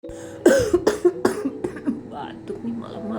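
An adult gives a run of about four short, forced coughs over soft background music, an acted cough.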